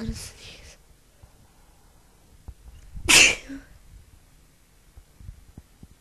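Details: Person announcing "I'm gonna sneeze" before sneezing: a short spoken lead-in, a pause, then one loud explosive sneeze with a brief trailing breath; sneezing.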